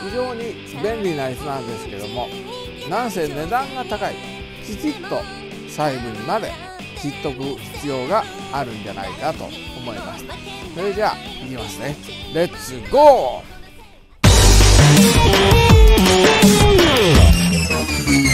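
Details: Aphasia with right hemiplegia in a Japanese-speaking male after a cerebral hemorrhage on 29 April 2020.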